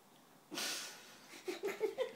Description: My dog monty asleep on the sofa making so much noise we could hear him from the other side of the house